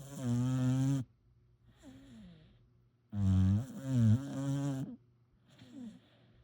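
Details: Sleeping puppy (tagged pitador) snoring: loud rattling snores on the in-breath, each followed by a quieter whistling out-breath, about two cycles in six seconds; ordinary snoring.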